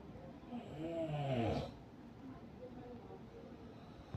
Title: what causes snoring 🤢#snoring #snoringsounds #snoringtreatment